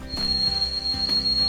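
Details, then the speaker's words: Tinnitus simulation: steady high-pitched ringing tone over faint low background sound, one way people with tinnitus describe what they hear. "People who experience tinnitus describe what they hear in a variety of different ways. Some experience a high-pitched ringing sound, something like"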